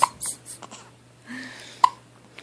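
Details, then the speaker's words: Baby with hiccups: short, sharp catches of breath with small soft baby sounds between them; infant hiccups. "hi baby hi hi aren't you so pretty so pretty you got the hiccups at your hair so messy got the hiccups"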